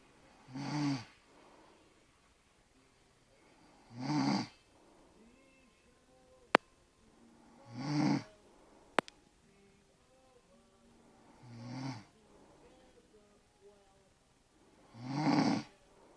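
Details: Person snoring loudly: rattling snores about every 4 seconds, roughly 15 per minute, with quiet breathing between; snoring.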